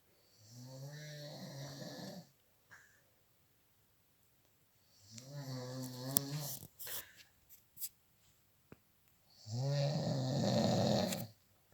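Two to three long, rattling snores on breathing in, with quiet pauses and a few faint clicks between them; ordinary snoring.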